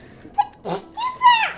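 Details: A streamer gives a single small, stifled sneeze, followed by brief high-pitched speech.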